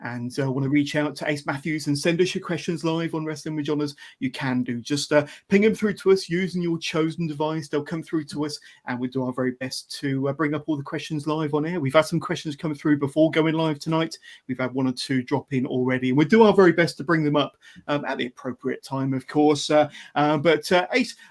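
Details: Adult male speaker (host); ordinary speech.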